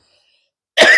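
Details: The start of a single cough, cut off: near-silence, then one sudden harsh, noisy burst at the very end, from an adult with a hoarse voice and sore throat, on about the fifth day of a fever.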